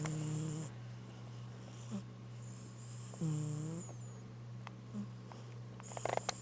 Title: my cat snoring